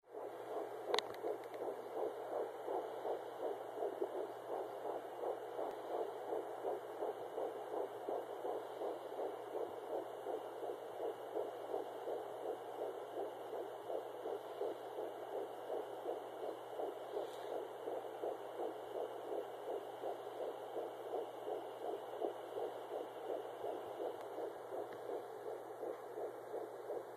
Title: Fetal Heartbeat 10weeks 4 days